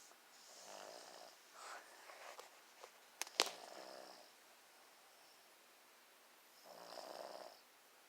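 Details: Ordinary snoring at 1:30 in the afternoon: slow, soft, noisy breaths with a brief snort in between.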